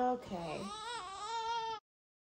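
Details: A small baby girl born the day before, on her first day home, gives a short, thin, wavering cry after a brief fussy sound while being changed before feeding and bed; an ordinary newborn cry.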